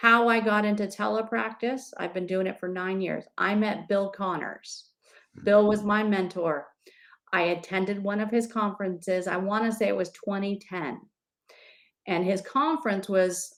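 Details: Adult woman speaking; normal speech.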